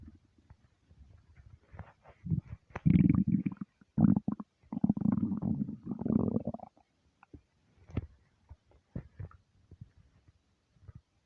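Low gurgling rumbles swell and fade over several seconds, then scattered small gurgles; ordinary empty-stomach rumbling.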